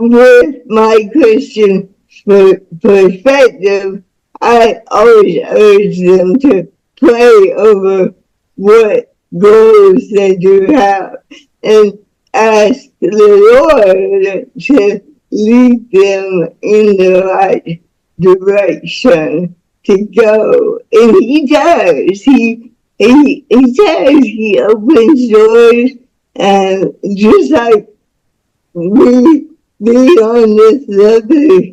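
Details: Woman soon to be 49 with lifelong cerebral palsy, born with the umbilical cord around her neck five times; a doctor said she would never walk or talk.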